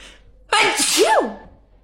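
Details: A single loud, high-pitched voiced sneeze from a girl; sharp onset trailing off.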